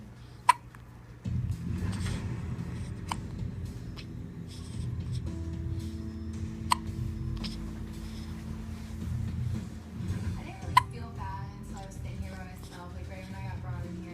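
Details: Female with hiccups: three sharp, brief hiccup clicks spaced several seconds apart over low rumbling noise, with a voice near the end.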